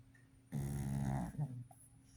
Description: Boston terrier snoring eight weeks old